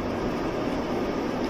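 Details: A small handheld nebulizer filled with saline (sodium chloride solution), used through the nose for a blocked nose, runs with a steady low humming drone.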